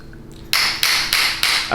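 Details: Four sharp, loud, evenly spaced percussive taps about a third of a second apart from an adjusting hammer during a chiropractic adjustment of the neck and back.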